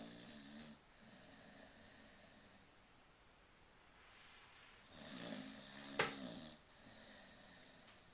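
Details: Sleeping dog snoring: soft, whistling, buzzy snores on each breath, with a brief snort.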